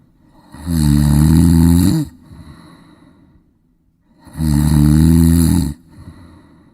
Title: 10分钟打鼾声～10mins snoring sound effect～